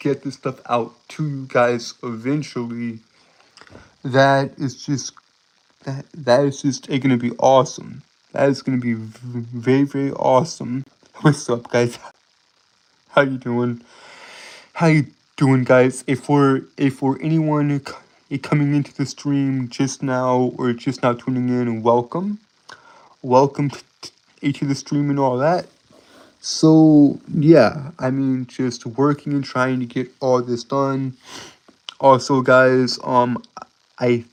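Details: Adult male who says he has a speech impediment that makes him stutter and trip over his words; stuttering.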